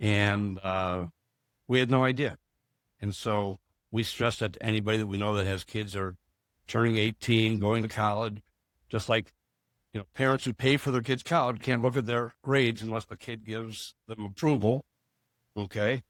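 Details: Adult man; normal speech.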